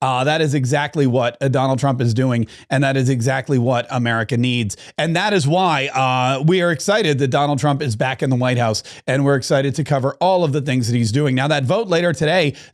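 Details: Adult male speaker; Normal speech.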